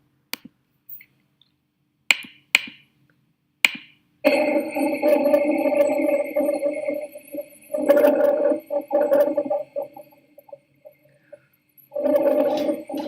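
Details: Teaching example of lung auscultation: low, coarse snoring-like rumbles during breathing, with a few clicks at the start; rhonchi from mucus obstructing the airway, compared with normal breathing.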